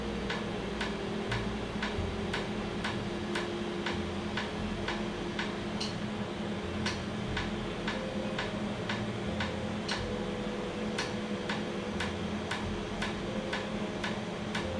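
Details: Laser tattoo removal session on skin numbed beforehand, with cooling air applied; the treated area was slightly raised and swollen afterwards: sharp snapping clicks about one per second over machine hum; laser tattoo removal device firing.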